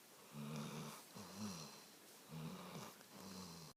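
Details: Pet asleep on lap after a long day, having hurt her paw, TV muted: low rattling, buzzing snores on each breath, about four breaths in under four seconds, with quiet gaps between.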